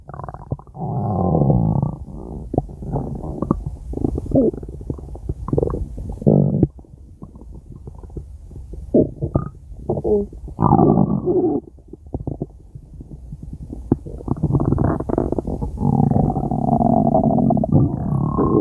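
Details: Five-minute recording of stomach growling (borborygmi): loud, continuous gurgling, rumbling and squeaky bubbling rising and falling in bursts.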